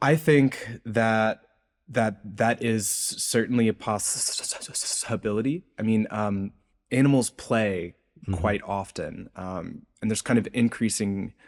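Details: Adult male researcher with a self-reported speech impediment present throughout the interview; speech disfluency with word repetitions.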